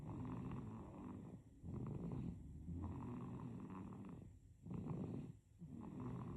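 Soft, low, rumbling noisy breaths with a purring quality, about 20 a minute. This is gentle infant snoring.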